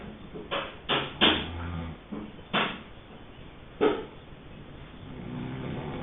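Irregular rough noisy bursts during sleep breathing, some with a low flutter, fitting snoring.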